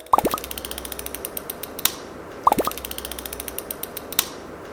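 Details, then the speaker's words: Wegovy (semaglutide) 0.25 mg prefilled pen self-injected into the upper arm: rapid ratcheting clicks ending in a sharp final click, heard twice, as the grey button is pressed and the dose is dispensed. "띠리리릭 돌아가면서 마지막에 띡 하는 소리가 들립니다."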